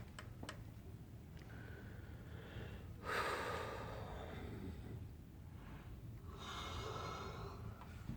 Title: Snoring like no one hear you.